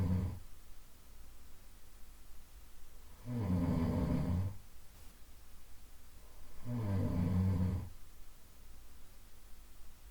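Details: Soft, low, buzzy nasal snores repeating steadily at about 17 to 18 a minute, with quiet breathing between them in a still room, from a one-hour sleep-sound loop; gentle snoring.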